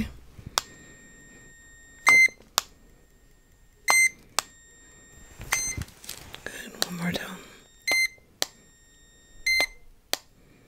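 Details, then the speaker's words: Simulated hearing test in an ASMR ear-exam roleplay: a series of short high-pitched beeps played in either ear, with quiet rustling between, and the listener asked whether both sides sound the same. "I'm gonna play a series of Beeps in either ear okay I want you to tell me is that they sound the same on both sides okay okay"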